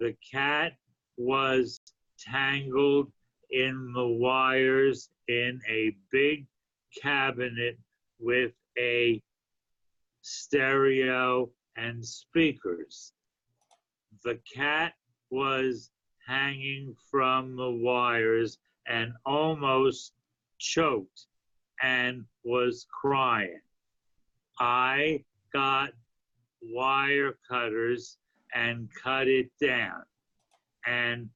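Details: Adult man with aphasia after a stroke a few years earlier, reading aloud a story he wrote in an intensive reading and writing therapy program; aphasia.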